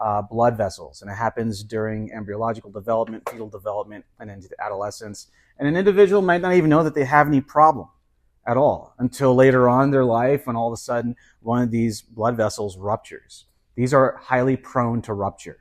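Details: Adult male lecturer; normal speech.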